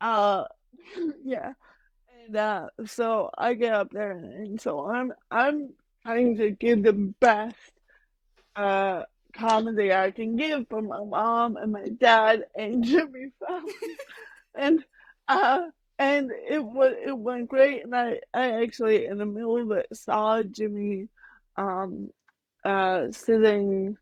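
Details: Adult woman with mild cerebral palsy that she says mainly affects her speech and motor skills, speaking in a podcast interview; dysarthria (cerebral palsy).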